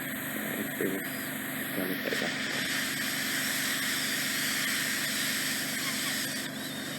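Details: Continuous hissing suction with brief crackles as deeply impacted wax is drawn by endoscopic microsuction from the isthmus, the narrowed part of a woman's ear canal near the eardrum.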